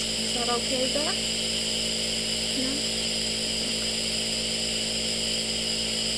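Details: Simulated nurse roleplay (ASMR): nebulizer compressor running during an aerosol breathing treatment for a patient who feels unable to breathe, loud steady humming and hissing, with a few soft voice sounds at the start.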